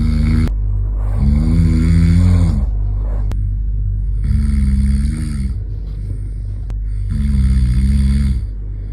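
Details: Loud, droning, low-pitched snores repeating every few seconds, about three in nine seconds, over a steady hum, while a 6-month-old baby covers its ears at the snoring sound; snoring.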